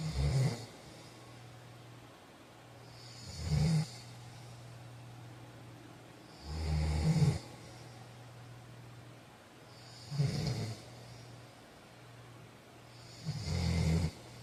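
Loud, rough snores on each breath in, about 18 a minute, with quiet pauses between; snoring during sleep.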